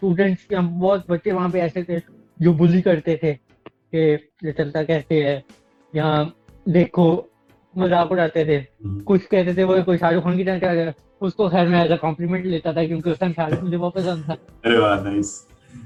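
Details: Dysarthric speech in an adult with cerebral palsy, speaking Urdu.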